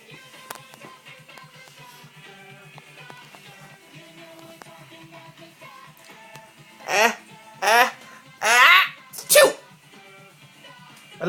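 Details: Young child pretending to sneeze: four short voiced "achoo"-like bursts, a fake sneeze rather than a real one, over music and room noise.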